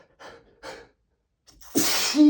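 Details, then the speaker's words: During an intense allergic sneezing fit (60+ sneezes) on a rough allergy day with an itchy, tickling nose after weeks of sneezing: two short breathy intakes, a pause, then one loud forceful sneeze. "just been so sneezy this last few weeks. I don't know what's happening. I just can't stop every I don't know what's happening."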